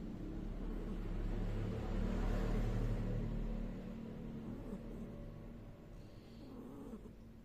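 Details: Cat snoring while asleep: a low, soft rumbling snore that swells and fades with its breathing.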